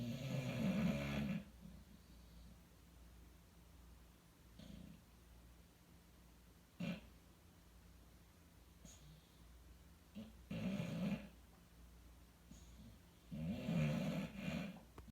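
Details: Gentle snoring from a sleeping bulldog: soft rumbling snores on inhalation roughly every four to five seconds, with quiet breaths between.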